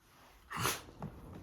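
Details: A single sharp hissing burst of air from a dog named Rah, then a small wet mouth smack and snuffle during a body massage; a sneeze.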